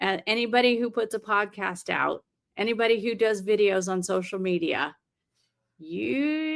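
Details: Adult woman speaking; ordinary speech.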